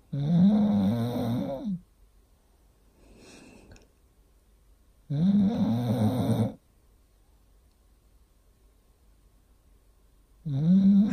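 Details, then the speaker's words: Pet pig snoring while lying beside its 36-weeks-pregnant owner: loud, rough, low snorting snores lasting one to two seconds each, with quiet pauses between them, about 12 breaths a minute. "I wonder if ours will just sleep every time here's Peggy snoring"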